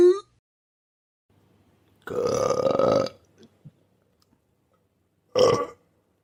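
Two loud, long, voiced belches with a brief tail of throat noise. Burping.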